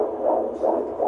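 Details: Fetal heartbeat via handheld Doppler at a prenatal visit, fundal height measuring about 26, baby moving: rhythmic whooshing pulses at 155–160 a minute, a good, strong heartbeat with a normal rate.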